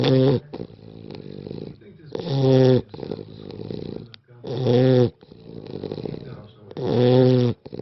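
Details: Small rescue dog snoring while asleep.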